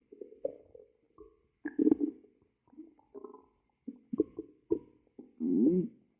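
Quiet gurgling and squeaky bubbling bursts, with a longer rising-falling growl at the end: stomach rumbling from a hungry stomach.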